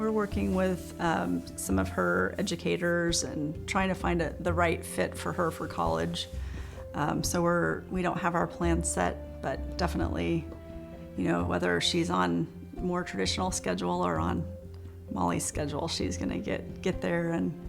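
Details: Adult parent speaking; typical speech.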